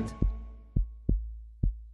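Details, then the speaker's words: Deep, regular low thumps of a real heartbeat at roughly 110 to 120 per minute with a faint tone behind, played during a children's radio song. "that's the sound of a real heart"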